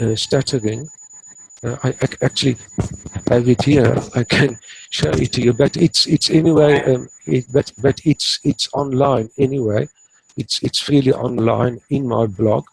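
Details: Adult man in his 60s who has stuttered since age 3 or 4, treated with the passive airflow technique, now fairly fluent but still blocks under stress; stuttering.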